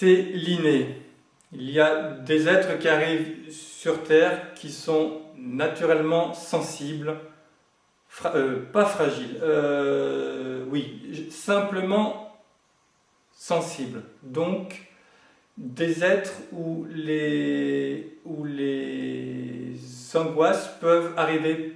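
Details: Adult man, French-speaking, who has grown up with stuttering over several decades and says he now manages to speak through it; finding: stuttering.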